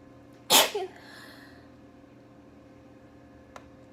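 A single sharp, explosive burst of air with a brief tail, then quiet room noise; one sneeze.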